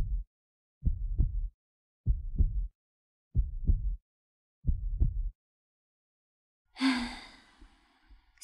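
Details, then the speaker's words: Heartbeat sound in an ASMR roleplay, presented as the heartbeat of a pregnant female character: slow, steady paired lub-dub beats at about 46 a minute, followed by a soft breathy sigh; normal heartbeat. "Can you still hear my heart beating loud for you?"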